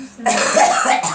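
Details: A girl coughs, with a harsh, forceful cough burst and the start of another at the end.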